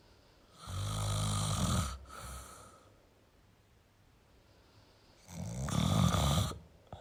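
Two loud rattling breath noises about five seconds apart with quiet pauses between: snoring.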